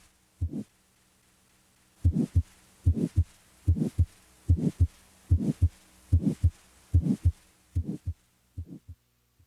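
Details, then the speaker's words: Carotid bruit heard with stethoscope diaphragm over the carotid artery while the patient holds breath: regular pulsing with soft whooshing vascular sound, suggesting arterial narrowing. "listen for a bruit which is a whooshing murmur like sound of vascular rather than cardiac origin a bruit suggests arterial narrowing"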